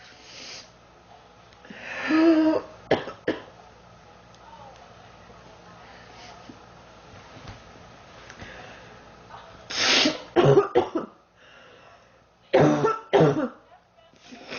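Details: Girl who has been sick for about 3 weeks, feeling hot and unwell, coughing continuously: about eight harsh cough bursts in clusters with quiet gaps between; persistent cough.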